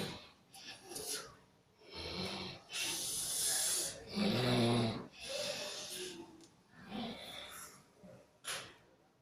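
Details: Person sleeping: loud, rough snorting breaths, uneven in rhythm with noisy rattling on inhalation; heavy snoring.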